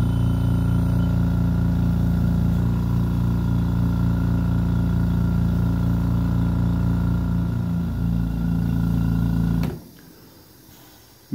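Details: Refurbished oxygen concentrator running during purity and flow testing with a CY-12C oxygen tester and flow meter, sustaining 4 L/min at up to 94% oxygen: loud steady compressor hum with rhythmic pulsing, then abruptly shut off.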